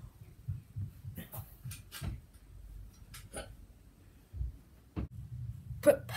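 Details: Hiccups: repeated brief, abrupt catching sounds at irregular intervals in a quiet room.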